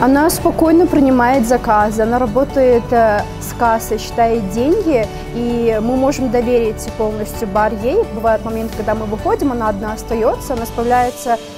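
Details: Adult woman speaking Russian; typical speech.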